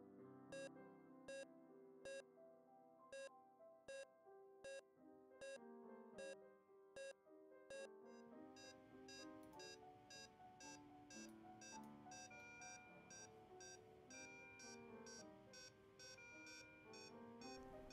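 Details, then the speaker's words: Simulated patient monitor (LLEAP simulation system) giving regular SpO2-linked parameter alarm beeps, about 80 a minute, with music joining partway; such alarms can be acknowledged by silencing or a two-minute alarm pause. "alarms is more than warning or crisis alarms two methods to acknowledge these alarms are to trigger silence or alarm pause for two minutes"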